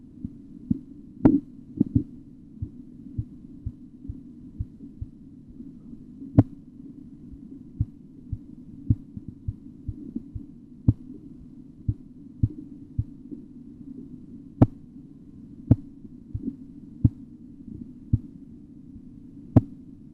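Sharp rhythmic tapping over a steady low rumble: Korotkoff sounds heard while taking a blood pressure.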